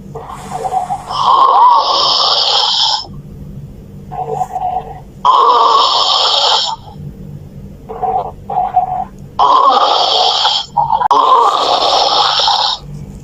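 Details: Snoring from a sleeping adult: loud, harsh snores on each breath, about 15 a minute, with quieter breaths between.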